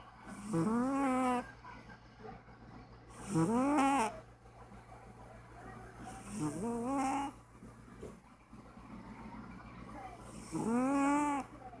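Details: Older cat snoring in sleep: four tonal, slightly whistling snores about three seconds apart, roughly 20 a minute, over a steady low room hum.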